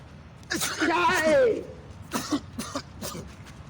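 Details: A voiced throat-clearing followed by three short, sharp bursts, in a clip captioned with COVID-19: coughing.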